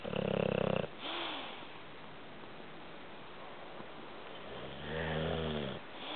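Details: A sleeper's "light" snores: two snores about five seconds apart, one buzzy and one whistling and groaning, over room hiss, with added background audio; he sleeps through anything. Snoring.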